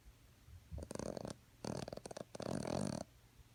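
Short fluttering, snorting snore bursts from a sleeping dog.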